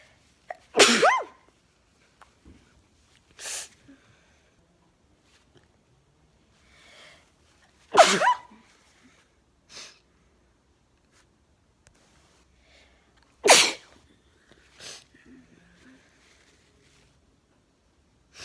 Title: 1 minute of cute girl sneezing frenzy! 300 subs thank u